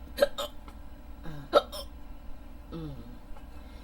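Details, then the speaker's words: Audio-only recording of a person trying to fall asleep, hiccupping off and on for 15–20 minutes: several short, sharp involuntary hiccups in quick succession, some paired, in a quiet room; hiccups. "Excuse excuse me I'm really trying to fall asleep but I can't can't do to these hiccup"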